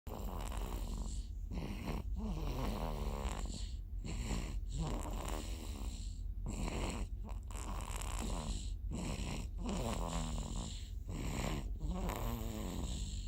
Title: passed out drinking and snoring lol